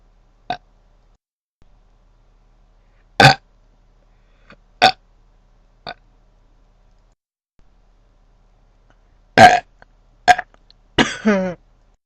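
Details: Repeated burping: about eight short, abrupt burps separated by silence, the last one longer and croaky.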